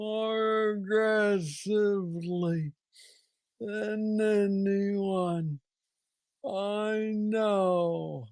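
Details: Man diagnosed with Parkinson's disease at age 35, about nine years earlier, with an aggressive form; has a brain stimulator implant. Hypokinetic dysarthria.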